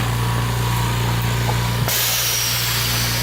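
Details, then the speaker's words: Homemade (DIY) oxygen concentrator with its compressor and a cooling fan running: about a five-second cycle per active sieve with a 300 ms equalization step. Steady hum, then a sudden loud hiss of venting air as a valve switches. "i'm gonna go into the compressor and this will get it going we're also using a cooling fan next to the compressor"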